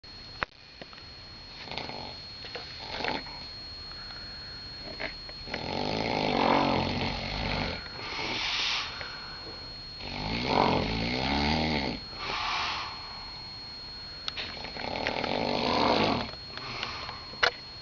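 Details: Loud, rough, rattling snores over repeated breath cycles, about five in the stretch, with a steady electrical whine in the room, from a man asleep in a Las Vegas room before the curtains were opened; snoring.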